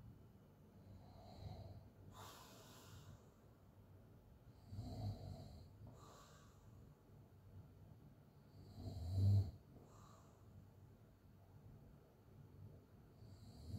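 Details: Open-mouth snoring during sleep: quiet, soft rasping breaths every few seconds with one louder snort, over faint room noise.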